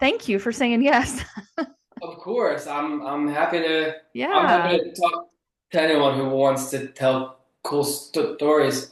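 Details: Adult male author who grew up with a stutter, a lifelong developmental stutter that is still audible in his speech; stuttering.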